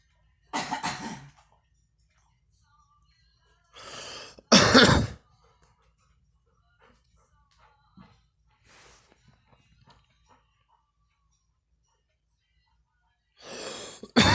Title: girl coughing and me